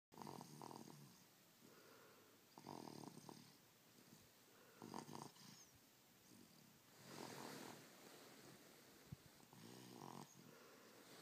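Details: Baby snoring: soft, irregular snoring breaths with a light rattle, roughly 20 to 25 a minute, during sleep.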